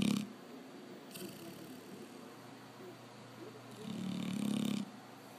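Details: A sleeping Labrador gives soft, buzzing snores, with a long fluttering one near the end; ordinary snoring.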